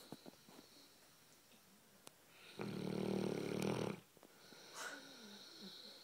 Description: My american bulldog snoring on the couch